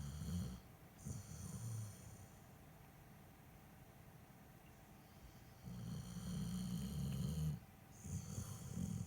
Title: Snoring Dog #shorts